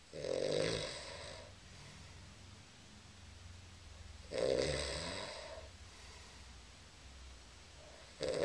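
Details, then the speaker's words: Loud, rough, rattling snores on each in-breath, about 15 a minute, with quiet breathing between them in a small room; an adult told to roll over because of snoring. "roll over you're snoring"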